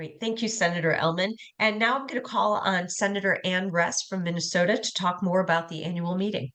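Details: Adult woman; normal speech.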